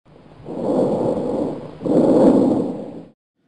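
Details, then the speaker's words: Normal tracheobronchial breath sounds heard with the stethoscope diaphragm close to the midline of the back: loud, hollow, high-pitched airflow, with expiration slightly louder and longer and a pause between inspiration and expiration. "The next sound is a normal tracheo bronchial breath sound found close to the midline of the back. Trachob bronchial sounds are loud and high pitched with expiration being slightly louder and longer with a pause between inspiration and expiration."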